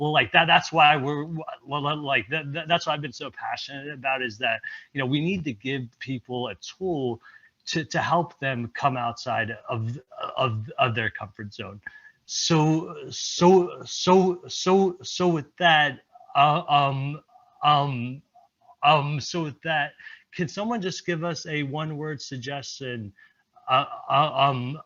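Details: Real stuttering in an adult male presenter at a stuttering-community event, who reports blocks and repetitions; this stretch has word and phrase repetitions.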